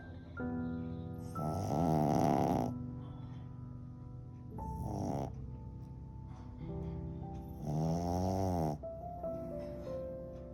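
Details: Pet pug snoring: three loud, fluttering, rattling snore bursts about three seconds apart, with steady background music throughout; snoring in a flat-faced dog.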